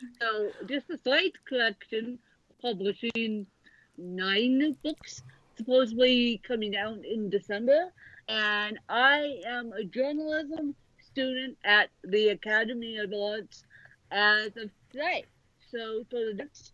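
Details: Dysarthria in an adult woman author born with cerebral palsy affecting both sides of her body; she needs full assistance getting dressed, and her speech is largely unrecognized by automatic transcription.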